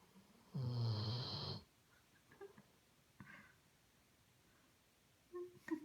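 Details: Weimaraner/Doberman cross dog asleep: one loud, rough snore on an in-breath, followed by quieter breathing noises; ordinary snoring.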